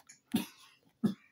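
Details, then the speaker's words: Dog coughing: two short, harsh cough bursts about 0.7 seconds apart in a quiet room; owner says the dog is unwell. "Ouais, ça c'est Poussin qui tousse. Je sais pas si vous entendez, mais bon."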